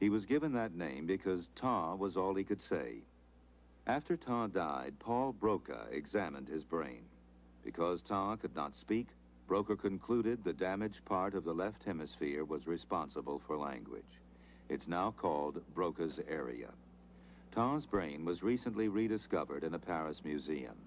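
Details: Adult male narrator; normal speech.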